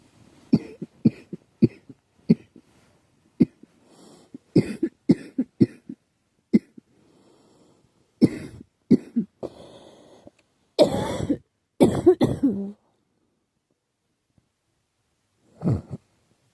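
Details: Girl who thinks she is getting a cold, with a scratchy, sore throat: about a dozen bursts of dry coughs and throat clearing in short runs, then a final cough after a pause; cough with a cold.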